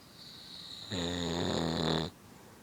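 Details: Sleeping father in deep sleep snoring while kids play: a single loud, low, buzzing snore about a second long, quiet room noise and a faint high-pitched whine.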